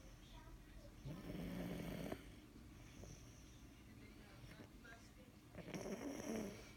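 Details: Snoring of someone asleep after a long hard day: two loud, rough, vibrating snores on breathing in, with quieter noisy breathing and some room noise between them.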